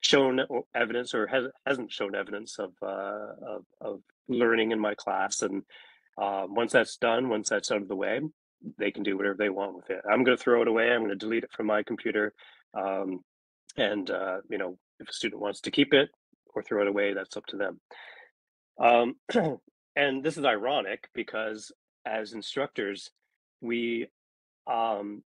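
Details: Adult male speaker; normal speech.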